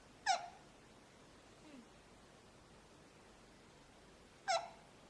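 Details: Two brief, sharp, squeaky voiced catches about four seconds apart in a quiet room: hiccups.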